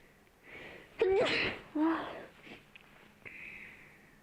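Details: Two quick, forceful sneezes followed by soft sniffing and breathing; sneezing triggered by nose cleaning in an ASMR recording.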